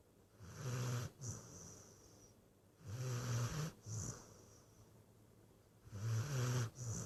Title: Snoring scrappy